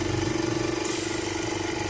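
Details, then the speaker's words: Oxygen concentrator, stripped of casing during a teardown, switched on at about two liters per minute: steady motor hum with a rapid, uneven pulsing rattle as the compressor runs very shaky and rough. "so let's turn it on and see what happens [Music] no hear of it like two liters per minute the compressor is very shaky"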